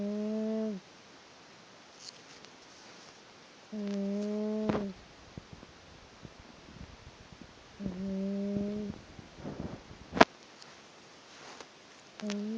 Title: The cat that snoring